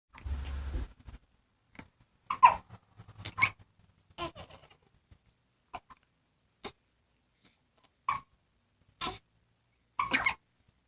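Short, sharp, irregularly spaced hiccup sounds, about nine in ten seconds, with quiet gaps between; hiccups.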